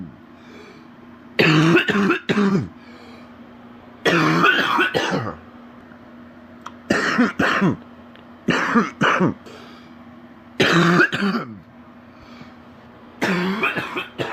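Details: Six bouts of deep, loose, rattly, phlegmy coughing, several in doubled bursts, from a sick adult man with a very stuffy nose; wet cough.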